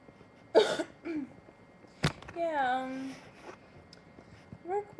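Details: Person sneezing and belching at the same time after drinking soda: a sharp sneeze burst followed by a drawn-out voiced belch, with brief voice sounds after; sneeze with belch.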